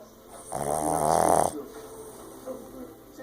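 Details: Boston terrier snoring like a human: a single loud, rattling inspiratory snore, then quiet breathing.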